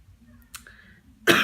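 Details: Cough in an adult after accidental chlorine inhalation, with sudden inability to take a deep breath, likened to severe pneumonia; cough after chlorine inhalation.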